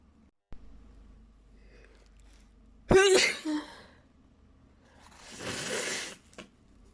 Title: big sneezing fit!!!